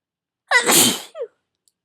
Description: I tried some black pepper and it really tickled my nose, lots of big sneezes.